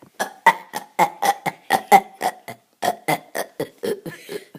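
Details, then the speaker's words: Person burping deliberately in a rapid series: about seventeen short, throaty belches, roughly four each second, in a small room. Burping. "we have an orchestra of burping today don't we Drake and farts"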